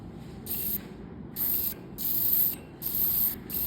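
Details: Repeated bursts of high hissing from a phacoemulsification machine, pulsing on and off over low room noise, during direct chop phaco of an elastic diabetic cataract (about NS3 with central PSC).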